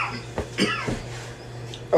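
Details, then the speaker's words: Intense coughing fit while cooking: several short, harsh cough bursts in quick succession over steady background hum, asking for water. "toia ignoring mamacha when she's coughing in asking for water"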